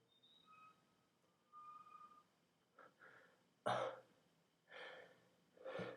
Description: Me sneezing with a twist tie